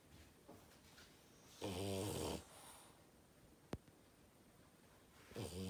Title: Loudest Snore Ever of a French bulldog